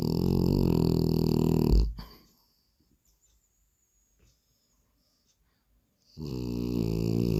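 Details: French bulldog snoring while asleep.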